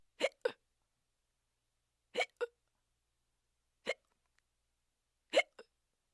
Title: Hiccup Sheep